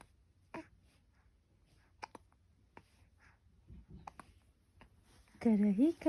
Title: Good morning baby! With a hiccup😊😊😊